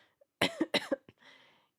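Two forceful cough bursts in quick succession with a brief throaty tail, then a soft breath in; a loose, productive-sounding cough in a small room.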